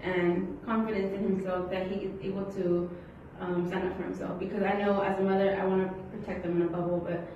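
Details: Adult woman; typical speech.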